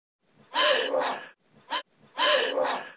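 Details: Male having a hiccup attack, frustrated he can't get rid of them: three sharp voiced gasping intakes within three seconds, one brief, typical hiccups.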